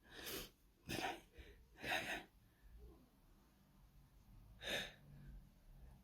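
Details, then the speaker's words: Person sneezing at home; the trigger is unknown, and they wonder whether perfume, cleaning products or powder might cause it. Four sharp sneezes in quick succession, three within about two seconds; paroxysmal sneezing fit. "Sometimes it might be because of perfume, cleaning products, powder. I don't know what it is that's making me sneeze tonight."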